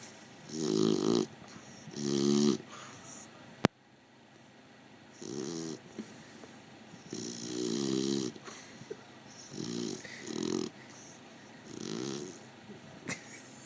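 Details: Repeated fluttering, rumbling snores with short gaps, about seven in fourteen seconds, from a sleeping dog in a quiet room; snoring.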